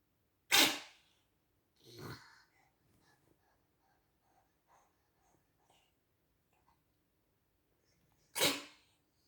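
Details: Sneezing/choking when eating: two sharp, explosive sneezes about eight seconds apart, a softer snort-like burst between, quiet small sounds after; sneezing.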